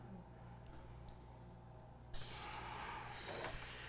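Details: A quiet hum with faint background noise gives way to a sudden loud, steady hiss as the dental drill's water spray is switched on during a live endodontic retreatment of tooth #3 on a patient.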